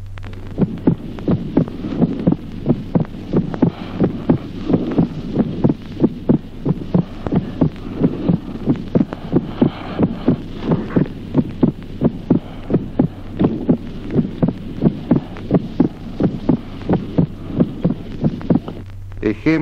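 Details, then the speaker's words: Teaching recording of steady heart sounds in which the second sound divides into two separate close components: split second heart sound. "ejemplo déo desdoblamiento del segundo ruido cardíaco solo durante se verifica la distribución del segundo ruido en dos componentes sonoros"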